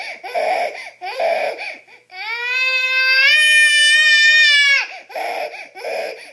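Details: Infant crying: rhythmic wailing bursts with one long, sustained high-pitched cry in the middle; an ordinary infant cry.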